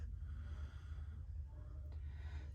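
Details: Normal breath sounds via stethoscope over lower anterior chest in an occasional cigar-smoking man; all lobes clear: soft, low rushing breath sounds with no crackles or wheezes.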